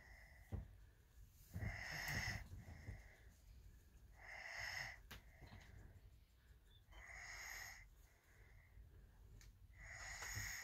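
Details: Asleep in bed after a long day, snoring: rhythmic snores with a whistling, wheezy tone on each breath, about 22 breaths a minute, in a quiet room.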